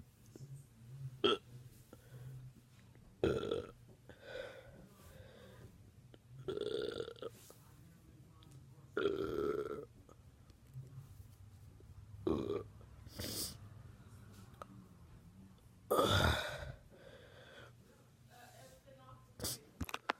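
About seven loud, croaking burps in about twenty seconds, made on purpose by swallowing and bringing up air.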